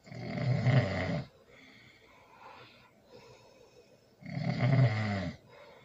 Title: #ASMR #SNORING #LOUD ASMR loud snoring with baby